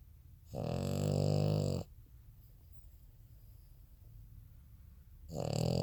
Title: Frenchie Snores